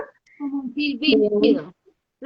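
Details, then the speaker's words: An adult speaker imitates stridor, a harsh, high-pitched, crowing breath sound, described as a sign of severity in a calm child with respiratory infection, warranting emergency care. "el estridor como les hacía ahorita en el club es un signo de gravedad si tú tienes un niño tranquilo y está haciendo este sonido"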